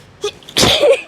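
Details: Hay fever sneezing: a short in-breath, then one loud explosive sneeze.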